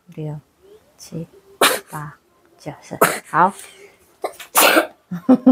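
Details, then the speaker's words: Mild cough in a young child recovering from a cough and cold, now fairly healthy: several short, sharp cough bursts among brief voiced sounds. "Ini biarpun dikit masih dikit batuk sih batuk sama pilek tapi udah lumayan sehat lah"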